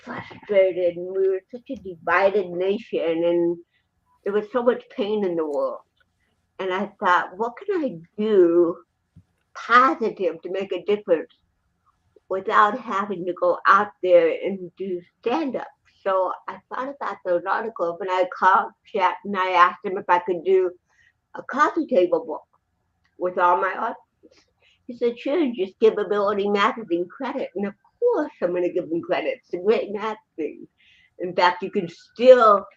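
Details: Dysarthria in an adult woman with congenital cerebral palsy, present from birth in 1956; finding: dysarthria (cerebral palsy).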